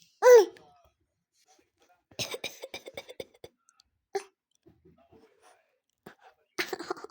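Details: Infant wanting to play makes playful, voiced cough-like sounds, copying a cough rather than truly coughing; imitated cough.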